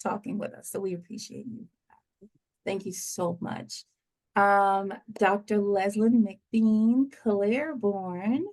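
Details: Adult woman speaking; normal voice.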